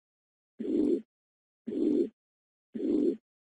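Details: Holosystolic murmur of mitral regurgitation from a nursing lecture on heart murmurs: regular beat about 56 a minute, even blowing murmur filling systole between S1 and S2.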